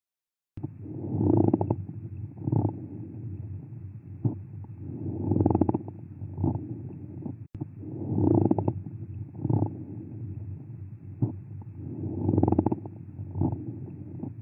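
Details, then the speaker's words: Real-life recording of a pleural friction rub: low, grating, creaking continuous sound recurring with each breath, heard in inspiration or expiration, likened to footsteps on fresh snow or walking on creaky wooden boards; inflamed pleural layers rubbing together. "ka hōʻuluʻulu manaʻo, ʻo Pleural friction rub he leo hoʻomau a haʻahaʻa i hoʻohālikelike ʻia me nā kapuaʻi wāwae i ka hau hou a i ʻole ka hele ʻana ma luna o nā papa lāʻau creaky."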